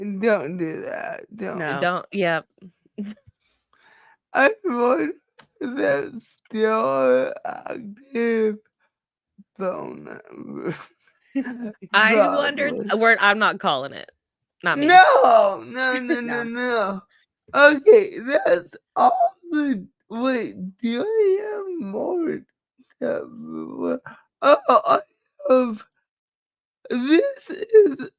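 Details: Dysarthria in a woman with cerebral palsy; she says the cerebral palsy is why she talks this way and that nothing can be done about it; real, not acted.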